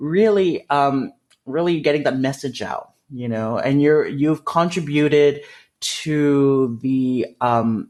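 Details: Adult male with developmental stuttering, which he describes as a speech disfluency; stuttering.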